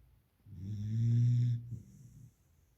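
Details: Beagle puppy in deep sleep: one long, low, droning snore on the in-breath, followed by a soft exhale.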